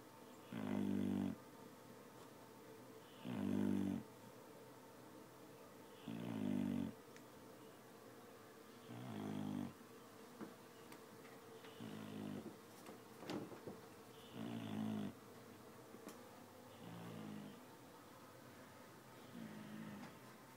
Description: Shannon wakes me up with her snoring, but she is just the cutest dog ever.